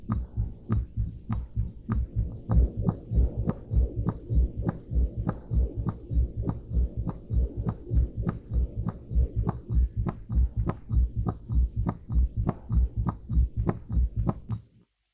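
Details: Ventricular septal defect with a left-to-right shunt: regular heartbeat near 100 a minute with a harsh murmur filling each beat, said to be most prominent at one chest point (transcribed as "earth's point").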